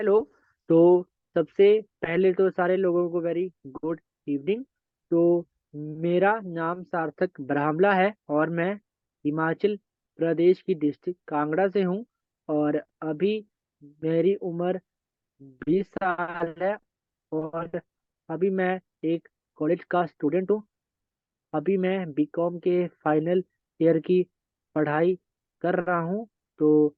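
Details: Stuttering in a 20-year-old man speaking Hindi at a stammering support group, controlled with pausing and prolongation techniques.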